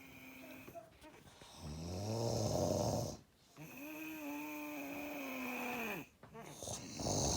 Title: Loud snoring